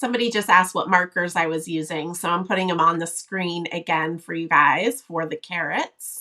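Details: Adult woman speaking; normal speech.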